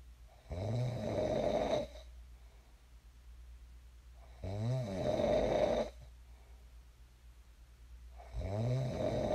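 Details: Sleep snoring recorded for ASMR: deep, rumbling snores on each inhalation, about 16 breaths a minute, with quiet exhalations between; ordinary snoring in a sleeper who later woke up.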